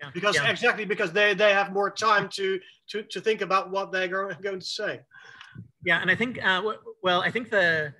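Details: Male who says he has cluttering, telling a story with fast speech, repetitions and fillers; finding: cluttering.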